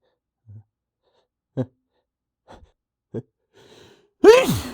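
Several short catching inhalations, then one loud voiced sneeze: a gasping build-up before a sneeze.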